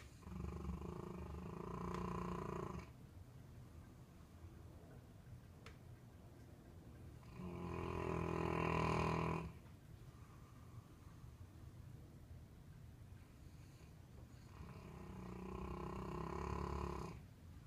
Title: Kiwi Snores LOUD!!